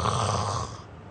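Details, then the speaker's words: A single low, rumbling, rattling inspiratory snore that fades out, ordinary snoring given as an example before describing airway obstruction in sleep apnea. "tapi kalau ada episode seperti ini Apa yang terjadi saluran nafasnya tersumbat Oh jadi saluran nafasnya tersumbat Walaupun ada gerakan nafas tidak ada udara yang bisa lewat"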